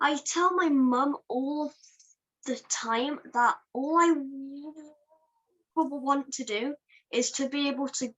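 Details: Stammering in a young person who stammers, speaking at a stammering awareness event.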